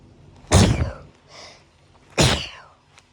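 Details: Two loud, explosive sneezes about one and a half seconds apart, each a sharp burst of air, at night after waking up sneezing; audio only; hay fever sneezing.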